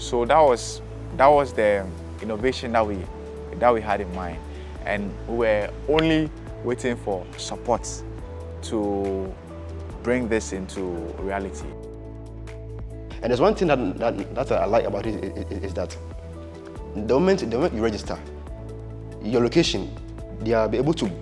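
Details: Person who has stammered since childhood: stuttering.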